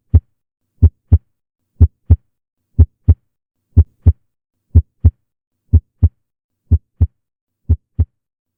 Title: Normal Heart Sound BY ENDOCHARDIUM